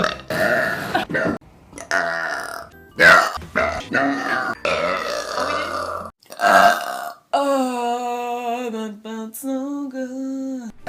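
Long, loud, voiced belches run into one another, ending in a drawn-out tonal belch; music plays underneath. Repeated burping.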